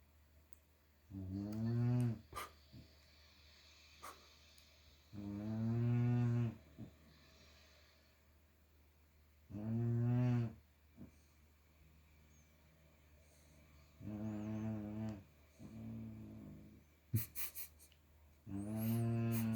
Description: My 6-month-old choc lab pup Hera snoring while sleeping.